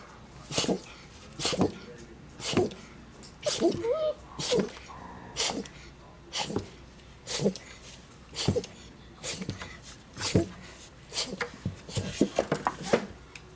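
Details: Red Doberman puppy, possibly after inhaling cobwebs, in a sneezing fit: about a dozen short, sharp sneezes roughly one a second in a small room; fine after a few minutes.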